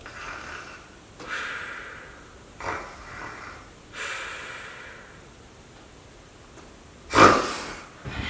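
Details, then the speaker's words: Imitation of sleep periodic breathing at high altitude, mimicking a snorer: a few soft snorting breaths, a quiet pause as breathing stops, then a loud gasping snort as breathing restarts. "Okay, so um sleep periodic breathing is actually a phenomenon um that a person suddenly stops breathing for maybe a minute and then started to breathe again while they're sleeping."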